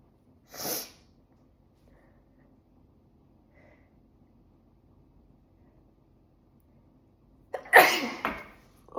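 Two forceful sneezes several seconds apart, the second louder with a trailing breath; repeated sneezing.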